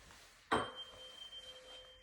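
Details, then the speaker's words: Rinne test during a head-to-toe nursing assessment checking cranial nerve VIII hearing in a woman: a tuning fork is struck with a sharp strike, then a steady pure ringing tone slowly fades; she passed the test. "Perfect. Okay. And now we're going to do the Rhine test."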